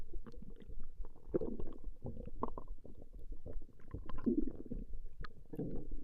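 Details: Woman's stomach growling from a 20-minute recording: continuous low gurgling and bubbling rumbles from the belly, rising and falling in loudness; ordinary borborygmi.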